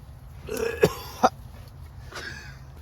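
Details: Acute irritant cough from campfire smoke in a survival shelter: a brief strained vocal catch, then two sharp, dry cough bursts and a faint throat sound.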